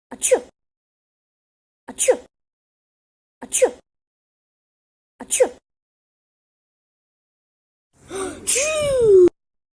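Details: Repeated sneezing: four short, identical-sounding sneezes at even intervals, then a longer, louder voiced sneeze with a falling pitch.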